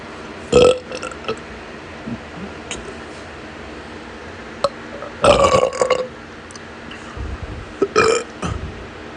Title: Excessive Burping Video REUPLOAD